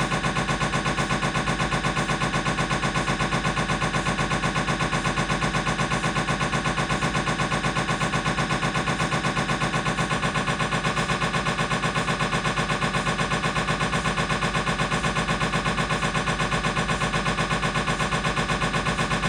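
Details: Siemens MAGNETOM Lumina 3 T MRI, lumbar spine scan: loud, steady rapid knocking at about 160 pulses a minute, typical of a turbo spin echo sequence.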